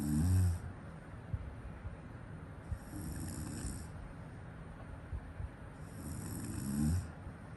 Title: snore Zzz 😴